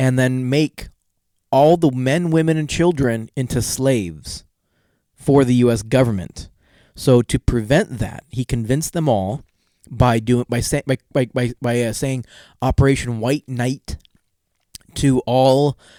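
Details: Stuttering in an adult male podcast co-host whose stutter comes out more in awkward situations; unscripted conversational storytelling.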